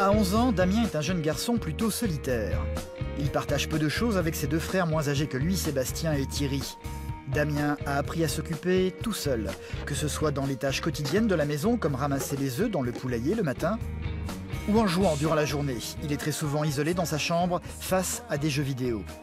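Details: Adult male narrator; normal fluent speech.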